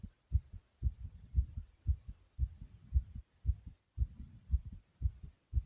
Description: My heart is beating rapidly after some exercising.